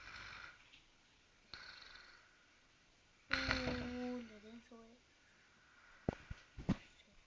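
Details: A cousin snoring while asleep: irregular breathy noises and one loud, tonal, rattling snore.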